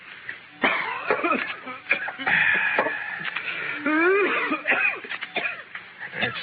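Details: Cough in a classic radio drama (1952), a character, Doc Holliday, with lung trouble who seeks drier air for his lungs; acted cough, not real patient.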